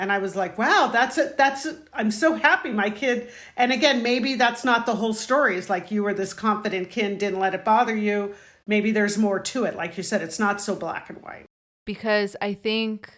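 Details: Adult woman speaking; no speech disorder.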